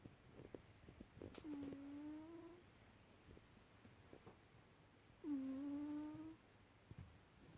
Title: Snoring cat